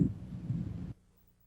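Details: Normal vesicular breath sounds in a teaching review, soft and low-pitched, heard through inspiration and the first third of expiration: vesicular breath sounds.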